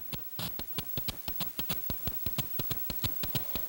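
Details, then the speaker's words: Sonified normal heartbeat of a fruit fly white pupa's dorsal vessel pumping hemolymph through an open circulatory system, electronically translated from an optical signal: rapid, fairly regular clicking pulses. "in the background you are hearing the sound of the heartbeat electronically translated from an optical"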